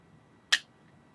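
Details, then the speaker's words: Single sharp click of a spring-loaded finger-prick lancet drawing blood for a daily blood sugar check by an adult man with type 2 diabetes diagnosed in January 2014, on insulin. "put it to the finger like this, and then we go, ouch, which I don't know if you could see that, draws some blood."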